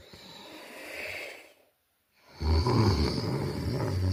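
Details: Noisy breathing that falls silent for a moment, then resumes with a loud rattling snore: snoring with breathing pauses in a sleeper who reports having sleep apnea.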